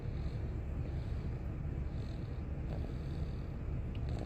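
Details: Sleeping cat snoring: steady, low, continuous fluttering rumble that closely resembles purring.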